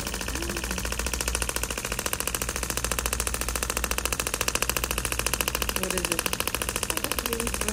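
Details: Steady rapid clicking pulses, about 100 a minute, over a low motor hum, from a shockwave therapy device treating a patient's arm, focusing on a scar.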